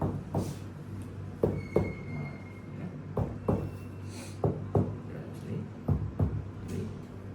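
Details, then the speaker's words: Chest percussion demonstration on a male patient, starting at the apex and following an S-shaped six-point sequence: paired hollow, low thuds, a normal resonant (sonor) note over air-filled lung. "ya perbandingan sonor apa ada perubahan ee suara kalau ada udara hipersonor kalau ada cairan redup"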